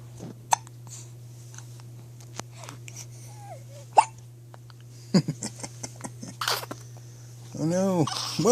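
Several sharp, brief hiccup-like bursts at irregular intervals over a steady background hum, with a rising squeal near the end; repeated hiccups.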